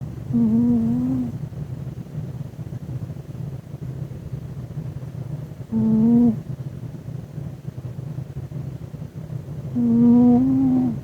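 Soft low breathing broken by three short, whistly, tonal snores spaced several seconds apart; a cat snoring in sleep.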